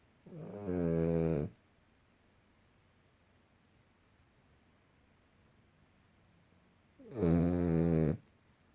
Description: Our small little dog has a serious snore